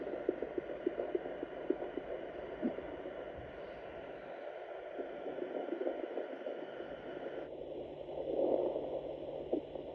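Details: Fetal heartbeats on Doppler in a pregnant Morkie dog at 6 weeks, her second litter: Doppler hiss with quick, faint pulsing thumps of the puppies' heartbeats.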